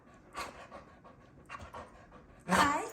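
Short breathy huffs repeating, then a louder voiced grumble at the end: a dog panting.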